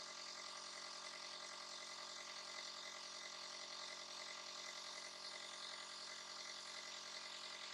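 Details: Nebulizer breathing treatment given to a little one who is coughing and sneezing: a steady hissing, buzzing machine hum without a break.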